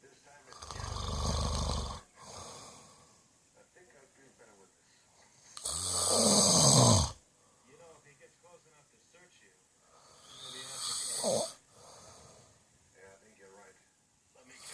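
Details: Person snoring: loud, rough snores on breathing in, about three across the stretch, quieter breathing between, faint background talk.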